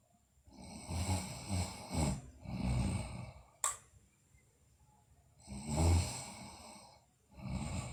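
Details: Sleeping girl, in a recording also showing bruxism and delirious sleep talk, makes rough, rattling snores on breathing, with a brief sharp noise between breaths: snoring.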